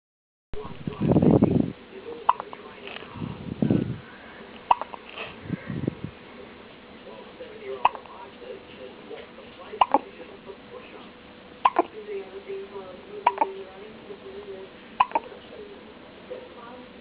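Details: Newborn baby with hiccups: short, sharp, regular hiccup clicks about every two seconds, roughly seven in a row, with handling noise at the start.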